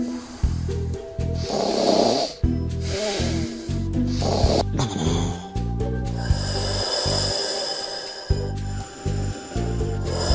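Loud rattling snores with snorting bursts over steady background music; snoring.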